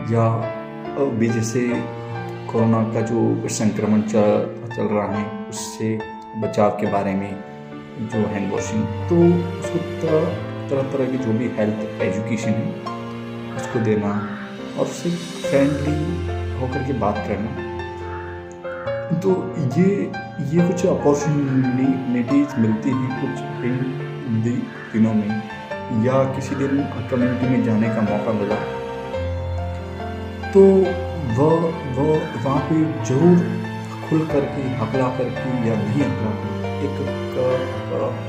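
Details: Stuttering (stammering), self-reported by an adult man, in Hindi speech over background music.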